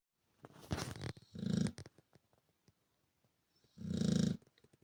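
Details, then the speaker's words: Loud, low, rattling snoring from a sleeping Chow Chow dog: two snores separated by quiet pauses, ordinary sleep snoring. "Вы когда-нибудь слышали, как храпит чау-чау? Сейчас вы это услышите."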